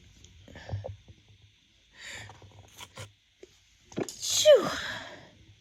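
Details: Female's first sneezes of spring 2024, blamed on pollen: sniffs and quick in-breaths, then a sharp explosive sneeze from seasonal pollen allergy.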